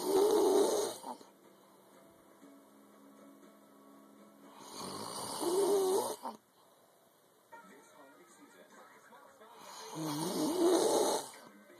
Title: Snoring but cute